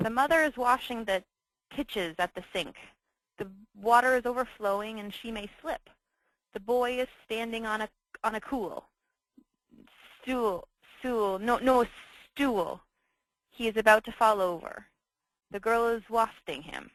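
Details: Apraxia of speech shown in stroke patient education on communication; finding: apraxia of speech.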